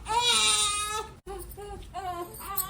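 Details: Baby with severe gas who could not be burped: loud, high-pitched crying in strained bursts, then shorter sobbing cries; distressed crying.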